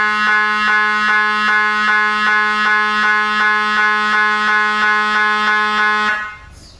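Loud buzzing tone pulsing about three times a second, then stopping abruptly, typical of an MRI scanner running a sequence.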